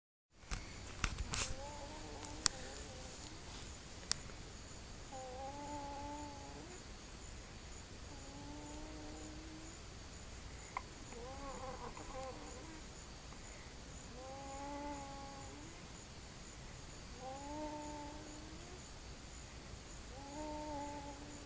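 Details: Stridor with a croupy cough and wheezing: a repeated high, musical whistling noise with each breath, about 20 a minute, fitting a narrowed upper airway.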